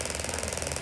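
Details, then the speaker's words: Radial shockwave therapy for tennis elbow using the R040 applicator at 1.4 bar and 21 Hz, giving more depth: rapid jackhammer-like mechanical tapping about 21 pulses a second while the patient is asked about pain. "so we're now getting more depth let's see how this feels bar pressure on a tennis elbow using the r040 and albeit i'm at 21 hertz but what's the pain like"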